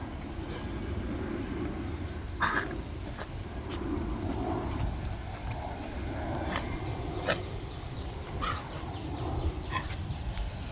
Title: Dog Cough